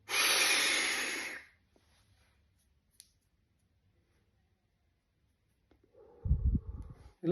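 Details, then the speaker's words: Capsule dry powder inhaler (DPI) demonstration for asthma and COPD: after full exhalation, lips sealed tight, one strong rushing inhalation, about 10-second breath-hold, then exhalation; correct dry powder inhaler technique with breath-hold. "తీసుకొని 10 seconds అనేది బిగబట్టాలి ఓకేనా"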